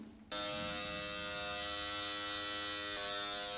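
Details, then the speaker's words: Electric microneedling pen (Dr. Pen M8S, 18-needle cartridge) switching on and running with a loud, steady high-pitched whine during at-home self-treatment of buttock stretch marks, depth being increased toward 1 mm; microneedling pen running. "And I'm going to increase the depth. There's no redness. I think we're good. But the sound it makes. Wow. So scary."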